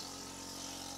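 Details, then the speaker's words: Steady motor hum with hissing airflow of a suction unit running continuously, aspirating about 150–200 ml of clean water through a veterinary gastroscope to rinse out enzymatic cleaner during cleaning and disinfection. "discard your enzymatic and refill your cleaning station or your tray with clean water turn your suction unit back on"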